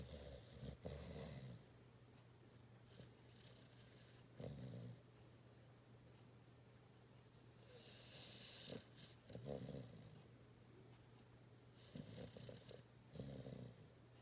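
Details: A sleeping dog snoring and twitching: irregular snorting, rumbling breaths with soft snuffles over a steady low room hum.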